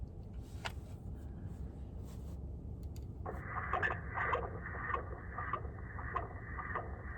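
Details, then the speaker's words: Recorded heartbeat of a 20-year-old organ donor played from a small speaker inside a bear: faint regular pulses near 100 per minute over room noise. "hear that yes this heartbeat is my son's heartbeat when he actually transitioned at the age of 20 and we decided to donate his gift so other individuals could live and have another chance at life"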